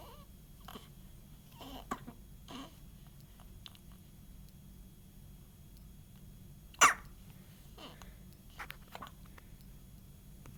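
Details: A baby with hiccups: soft, brief catching sounds recurring at uneven intervals.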